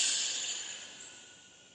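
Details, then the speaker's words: Imitated sound of trapped air escaping when a ventilated, severely bronchospastic COPD or asthmatic patient with dynamic air trapping (auto-PEEP) is disconnected: a steady hissing rush fading over about two seconds. "The air which is trapped, it will escape, and the pressure, everything will get corrected."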